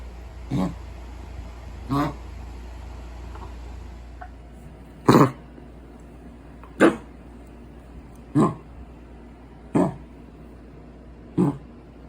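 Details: Dog coughing, seven short, harsh cough bursts spaced a second or two apart over about twelve seconds.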